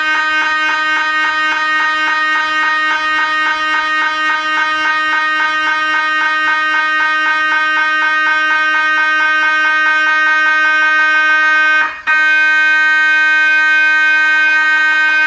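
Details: MRI scanner noise during imaging: a loud, steady, rapid buzzing hum pulsing about 220 times a minute, with one brief break.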